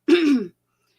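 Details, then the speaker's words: Single short voiced throat clear in a quiet room from a woman with Hashimoto's thyroid disease; she says thyroid nodules push on her vocal cords, causing frequent throat clearing and painful singing. "that's why you'll hear me clearing my throat all the time, because I have all these nodes all over my thyroid, and they're pushing on my vocal cords."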